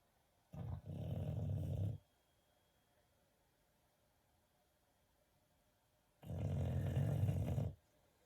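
Two long, low, rattling snores separated by a quiet pause of several seconds, in a steady sleeping breath pattern; animal snoring.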